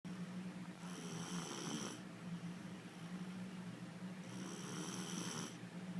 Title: The little girl is snoring